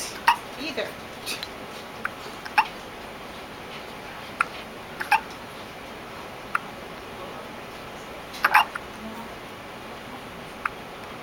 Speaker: There's your synchronized hiccups. For filming synchronized hiccups.